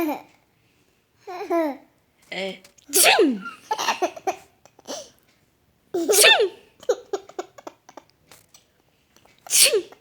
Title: Baby laughing on sneeze